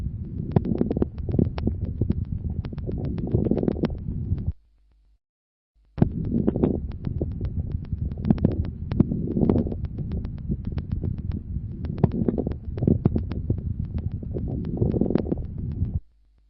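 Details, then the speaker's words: Scattered fine popping crackles mainly in mid-inspiration, sparing its start and end, varying from cycle to cycle and often joined by a few expiratory crackles; mid-inspiratory crackles, indicating bronchial secretions. "Ils prédominent au milieu de l'inspiration et respectent le début et la fin de l'inspiration. Ils traduisent l'existence de sécrétions bronchiques, d'où leur caractère variable d'un cycle à l'autre et leur association fréquente à quelques crépitants expiratoires."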